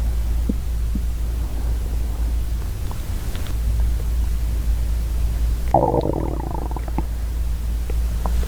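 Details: Girl's real hungry stomach growling, recorded ASMR-style without talking: steady low hum, then a deep gurgling belly rumble lasting about a second. Normal borborygmi from hunger.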